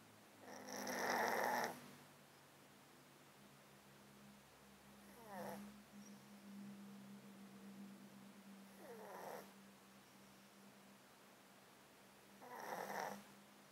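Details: Cat with a 13-year underlying disease causing constant snotty sounds and sneezing, recorded close-mic while sleeping in a box: slow, wet, snuffly breaths with snoring rattle, about four in fourteen seconds; congested breathing.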